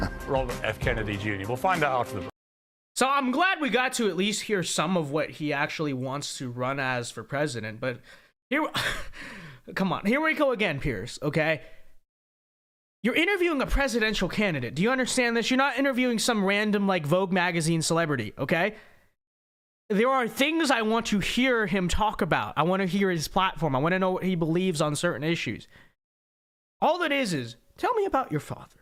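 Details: Adult speaker; ordinary speech.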